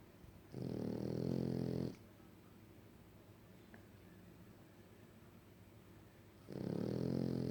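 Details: A French Bulldog, a flat-faced dog, snores: two loud, rattling, buzzy snores on inhalation, separated by a quiet pause.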